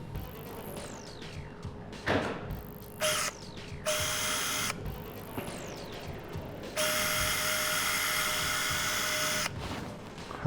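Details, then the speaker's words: Surgery on a mini dachshund born with a split paw and six toes, paw reconstruction: power drill with a high motor whine in short runs, pitch falling as it slows, drilling a tiny hole in a small wrist bone. "We're now going to delicately drill a tiny hole in a tiny bone."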